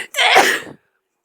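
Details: A single sneeze: a brief intake, then one loud explosive burst of air that fades quickly.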